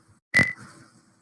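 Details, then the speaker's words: Single short electronic key tone from a Novum IQ syringe pump keypad while entering a passcode in the anesthesia care area, 50 ml syringe loaded; infusion pump keypad tone during training demonstration. "so let's go ahead and say okay for anesthesia I happen to have a passcode so I have to enter again that's"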